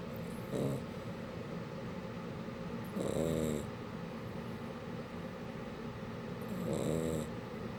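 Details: Shar pei puppy snoring: soft, low, rattly snores on each breath in, roughly 17 a minute, with faint room noise.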